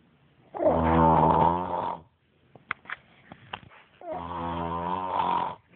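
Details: Sleeping male snoring loudly, likened to a pig, with a sock over his mouth/face; two months mentioned, unclear if age: two long, loud, buzzing snores with a quiet pause and soft clicks between; snoring.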